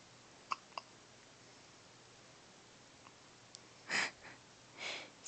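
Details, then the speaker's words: A little boy, messed up today with hiccups and sneezing: two quick, sharp hiccup catches, then soft breathy sneeze-like bursts, in a quiet room. His hiccups persisted despite trying everything. "oh bless you oh bless you you sneezing sneezing hiccups or all kinds of messed up today huh got all kinds of things going on"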